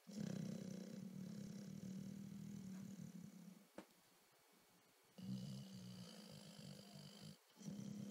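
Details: A dog snoring while napping: a low, rough rattling noise on each breath with a pause between.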